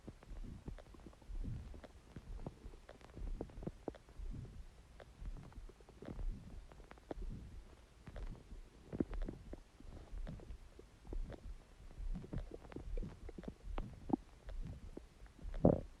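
Quiet, ongoing low gurgles and squelches with irregular bursts against background hiss; ordinary stomach growling.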